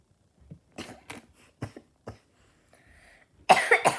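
A child gives a run of short, sharp coughs, about five bursts, ending in a louder harsh cough; a simple irritant cough after tasting spicy food.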